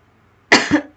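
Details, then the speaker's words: Single short, harsh cough burst after quiet, from an adult who is unwell with a sore throat and coughing throughout a spoken recording; cough. "Mohon maaf juga karena saya batuk-batuk terus dari awal video sampai akhir."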